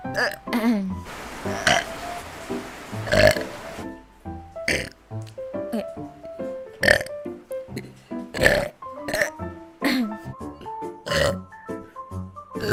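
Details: VTuber, who mentions being full, lets out repeated loud, voiced belches over background music and brief talk; ordinary burping.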